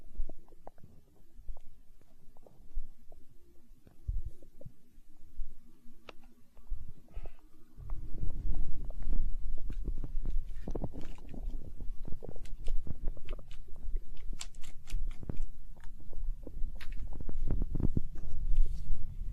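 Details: ASMR recording of a growling stomach tagged as hunger sounds: low, irregular rumbling and gurgling that grows louder partway through; stomach growling (borborygmi).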